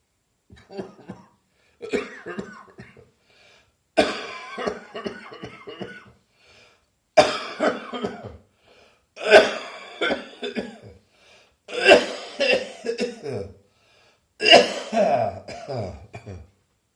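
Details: Adult with lingering bronchitis not fully cleared, recorded on New Year's Day: repeated harsh coughing bouts; cough due to bronchitis.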